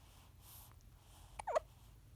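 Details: Five-day-old newborn baby boy recorded at close range, giving a single soft, sharp hiccup in a quiet room.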